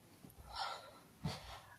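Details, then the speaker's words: Adult sick with a really bad cold, nose running and stuffy, gives two short, wet, hissing sniffs drawn in through the nose: nasal sniffling (nasal congestion). "As you could see, my nose is still running and stuffy, as you can hear."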